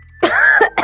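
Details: Acted comedy scene: a short voiced throat-clearing cough then a brief second burst, from a character who says they got wet in the rain yesterday; whooping cough is mentioned.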